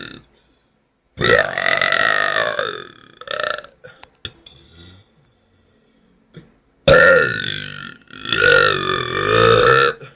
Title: My New Burps Video 2013 / Mi Nuevo Video de Eructos 2013